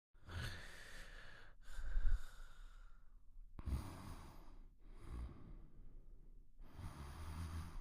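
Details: Cartoon snoring sound effect, The Pink Panther snoring quietly: slow, noisy breaths with a rough rushing quality on each cycle.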